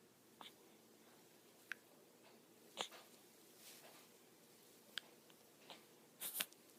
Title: Little Mr. Has Hiccups